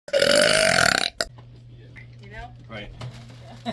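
One loud, drawn-out burp lasting about a second, then quiet voices talking in a room.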